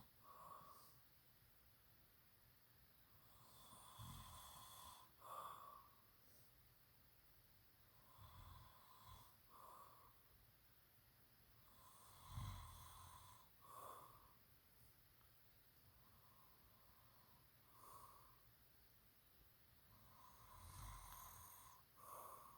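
Soft, low rumbling snores recur with each breath, about 13 to 14 per minute, in a quiet room.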